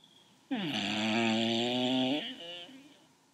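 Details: Habitual snorer, said to snore like an old man: one long, loud, buzzing, almost tonal snore lasting about two seconds, then a softer tail.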